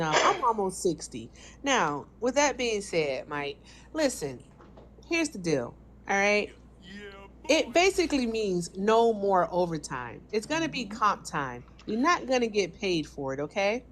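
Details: Adult woman speaking; ordinary speech.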